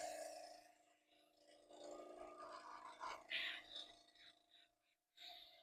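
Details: Tracheostomy suctioning skill demonstration: steady suction-machine motor hum with brief gurgling slurps as saline is drawn through the catheter.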